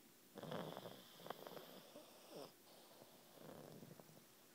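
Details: Soft, rattling snorts and snuffles from two pug brothers sleeping together, quiet between breaths; snoring.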